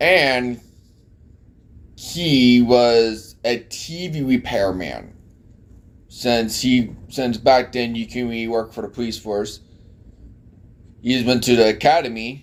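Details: Speech impediment present since childhood; type not specified.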